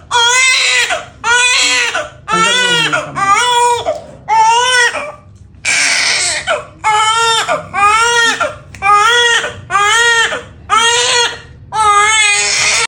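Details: Loud, rhythmic, strong, clear-pitched crying from a newborn just after a normal vaginal delivery, described as heavy; a vigorous cry at birth.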